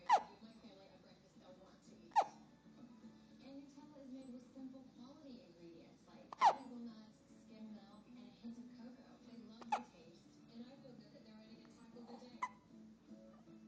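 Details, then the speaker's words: Five sharp, brief hiccups about every three seconds from a baby, with soft background music; infant hiccups. "Aww, poor baby. Hiccups, hiccups, go away. Come again another day."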